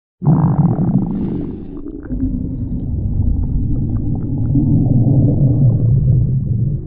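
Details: Stomach growling (borborygmi).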